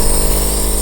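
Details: Brief loud low motor drone with buzzing as a plug-in compressor nebulizer is switched on, used by a young daughter with a small child mask; compressor nebulizer running.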